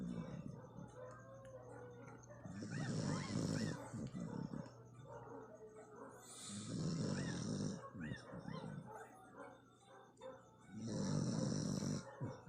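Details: Asong Pinoy (Philippine dog), female, snoring loudly while asleep: about three long, rough, noisy snoring breaths with faint background sounds.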